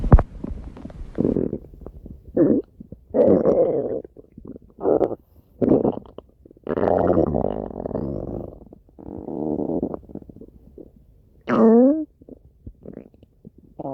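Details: Stomach growl: repeated low gurgling rumbles in bursts of one to two seconds, bowel sounds.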